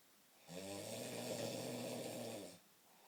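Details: Heavy snoring from a man through his nose: one long, loud, rattling snore lasting about two seconds, rough and buzzing through the whole breath.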